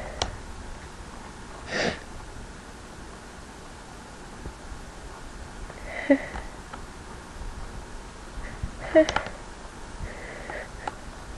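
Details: Induced sneezes: a few brief, explosive bursts with sniffs between them in a quiet room, consistent with repeated sneezing.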